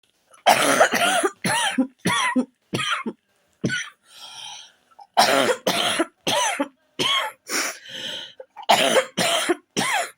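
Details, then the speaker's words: A run of repeated harsh coughs in several bursts with brief breaths between, from someone recently put on antibiotics; an ordinary cough. "I know it sounds really weird that I'm just coughing online, but people are asking me to send a video of my cough for some reason."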